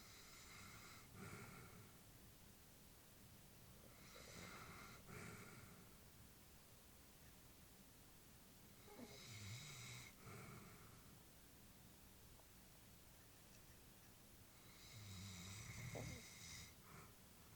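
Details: Elderly female Labrador sleeping: soft snorting snores with each breath, about 12 a minute, over steady background hiss; ordinary sleep snoring.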